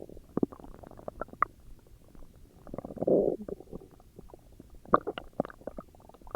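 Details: Frequent bubbling gurgles and a longer low growl from the recorder's own belly: ordinary stomach growling (borborygmi).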